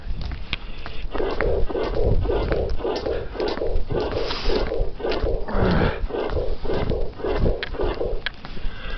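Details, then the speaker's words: Combined aortic stenosis and aortic regurgitation heard at the upper sternal border: two superimposed murmurs, one systolic and one diastolic, with the systolic aortic stenosis murmur predominating at this site. "This is combined aortic stenosis and aortic regurgitation. Once more at the upper sternal border, where the aortic stenosis murmur predominates."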